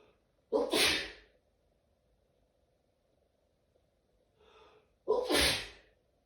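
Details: Person sneezing repeatedly all day, with bouts every 20–30 minutes: two forceful, explosive sneezes about four seconds apart, with a faint inward breath before the second.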